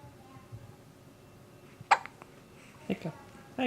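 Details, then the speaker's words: Newborn baby, about 6.5 pounds and gaining weight since birth, with hiccups: three or four short, sharp catching sounds about a second apart in a quiet room. "has hiccups. He's about 6.5 pounds now. He's gaining weight from birth, which is good. And he has hiccups."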